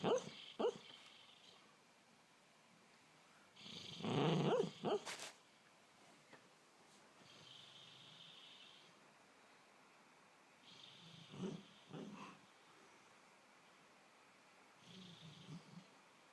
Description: My dog Emma is making some really funny sounds while dreaming.